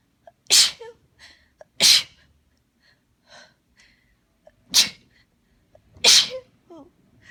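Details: Four sharp sneezes in quick succession, each set off by brief breathy catches and gasps: a sneezing fit after holding back sneezes for about 15 minutes, with a strong tickle that left the person shaking.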